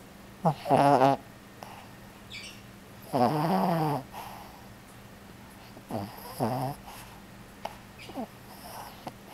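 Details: Sleeper told they are snoring: irregular pitched snores with a wavering tone, roughly 20 a minute, against a steady low room hum; snoring.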